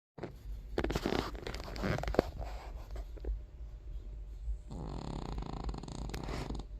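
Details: King Charles Terrier, a small dog, snoring loudly while asleep in a quiet room: rough, rattling breaths, then a steadier buzzing snore on the next breath.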